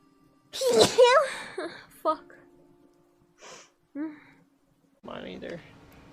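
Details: A sharp sneeze with an intake and an explosive burst, followed by a few quieter sounds and breaths in a quiet room: sneezing.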